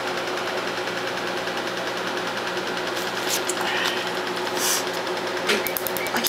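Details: Hoya Conbio C-6 Medlite Q-switched 1064nm laser firing at 10 Hz on the black ink of a 17-year-old homemade black and red tattoo on the arm: steady rapid ticking buzz with crackling snaps.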